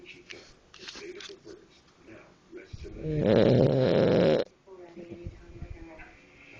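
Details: A dog snoring: a loud, rough, rattling snore over quiet room sounds and faint talk, then stopping abruptly.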